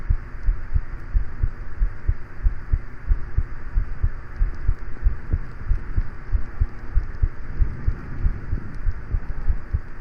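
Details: Steady paired heart thumps at roughly 90 beats a minute in a short heartbeat recording, with a fan humming in the background. Normal heart sounds.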